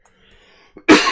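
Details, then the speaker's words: Adult with asthma coughing during a chess stream, single loud harsh cough burst after a short quiet breath, clearing cough before next asthma attack; cough. "Get the cough out of the system, and then I'm good for another 2 minutes before my next asthma attack."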